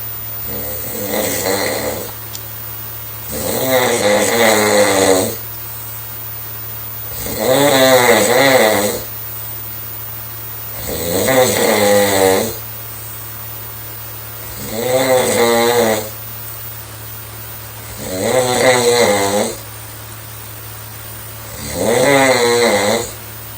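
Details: Sleeping young girl snoring loudly and regularly, about 17 snores a minute with quiet exhalations between; snoring.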